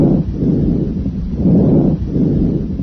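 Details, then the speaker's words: Bronchovesicular breath sounds heard through a stethoscope over the main bronchi during normal chest auscultation. "You should also hear bronchovesicular sounds over the main bronchi and vesicular sounds over the rest of the lung fields."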